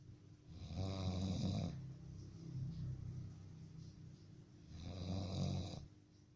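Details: Strange dog snoring: two loud, rattling, buzzy inhaled snores about four seconds apart with a softer breath between.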